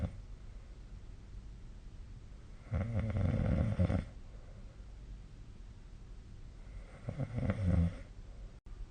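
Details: Snoring during sleep, recorded on 2025-04-15 with a snore-tracking app (SnoreLab).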